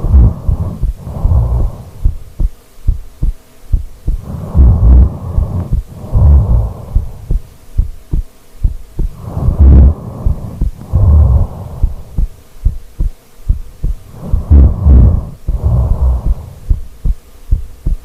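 Deep rumbling snores in paired bursts, about four breaths in the recording, with throbbing background; ordinary snoring.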